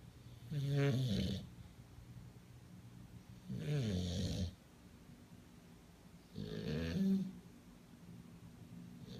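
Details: Bulldog asleep on a person, snoring: three loud, rough, vibrating breath sounds about 3 seconds apart, roughly 20 a minute, with quiet pauses between.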